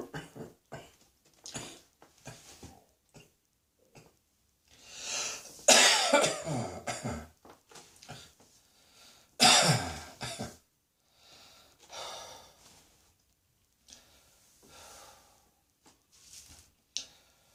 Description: While the mouse is away the cats will play! - and cat hairs make me cough!